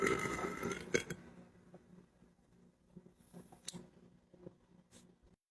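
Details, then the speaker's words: A long, loud, deep belch at the start, then quieter broken, stuttering belch sounds from a woman deliberately burping, in a quiet room. "deep that one stuttered it keeps getting stuck it keeps stuttering I'm struggling here"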